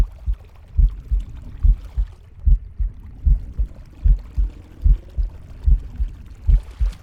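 Steady paired lub-dub beats at about 73 a minute, with soft breath noise and faint gurgles; a normal heartbeat.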